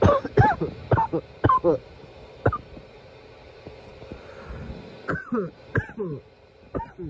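Repeated harsh cough bursts in clusters, about ten in seven seconds, with a pause in between; a bout of persistent coughing.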